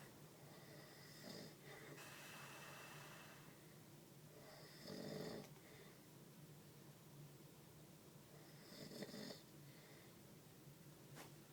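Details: Adult's heavy snoring during sleep, recorded on a phone that may capture only part of the loudness: three loud, rattling snores about four seconds apart over steady room noise.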